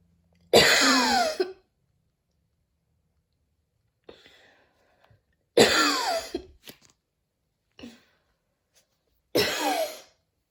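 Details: Person coughing after a run at the start of allergy season, with dizziness and near-fainting: three harsh, drawn-out coughs about every four seconds, each with a whistling, wheezy edge and quiet breaths between; very wheezy cough.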